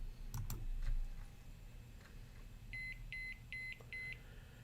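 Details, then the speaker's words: Alaris Medsystem III IV infusion pump in a training demo: four short, evenly spaced double-tone beeps of the patient-side occluded alarm, meaning an occlusion somewhere between the pump and the patient. "we have another alarm this alarm is the patient side occluded which means somewhere between the pump and the patient some sort of an occlusion has happened in the line"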